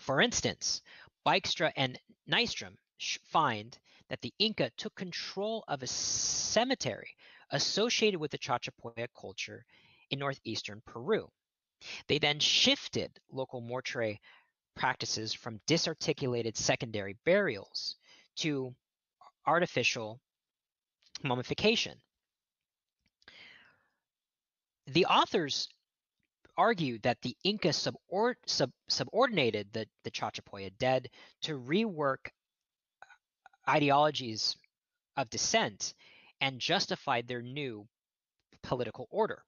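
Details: Adult male archaeologist who says he stutters, giving a lecture; word repetitions in this stretch; stuttering.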